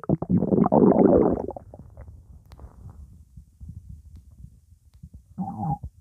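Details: Loud gurgling and sloshing from the stomach after drinking cola, then quieter bubbling; ordinary stomach rumbling (borborygmi).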